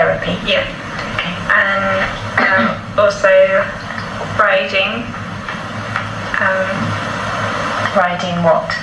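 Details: Mild Broca's aphasia in a man seven years after a stroke: non-fluent, telegraphic speech lacking joining words, with the interviewer filling in sentences; comprehension intact but speech production a struggle.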